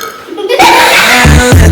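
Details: Burp after chugging a Sprite in a try-not-to-burp challenge: a loud, low, drawn-out belch rises out of quieter sound, with music in the background.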